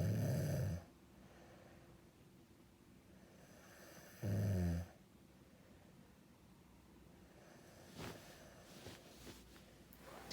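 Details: Adult man snoring during sleep.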